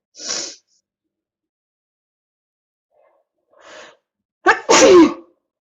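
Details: Adult in a repeated sneezing fit, complaining of it: two hissing sneezes, then a loud voiced sneeze with a sharp inward catch before it.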